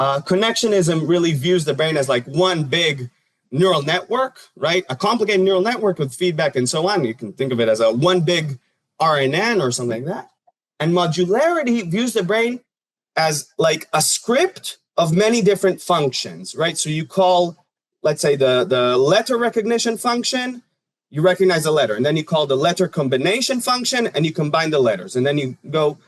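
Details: Adult speaker; normal speech.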